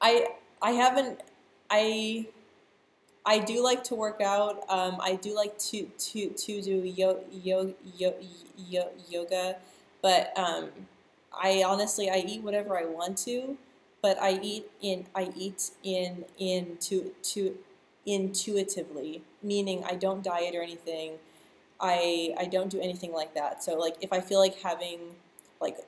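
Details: Adult woman who stutters, speaking live; part-word and word repetitions are audible; stuttering.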